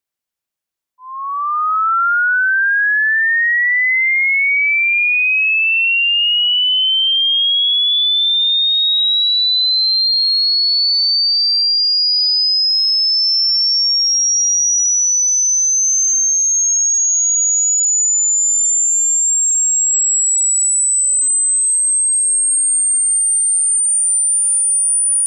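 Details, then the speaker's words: A pure-tone frequency sweep played as an informal high-frequency hearing test: a single clean electronic tone glides steadily upward from 1,000 Hz to 20,000 Hz, ending in a thin, very high whine. "So if you listened to that in Chrome and your headphones or speakers are up to the task you just experienced an audio tone that went from 1,000 hertz to 20,000."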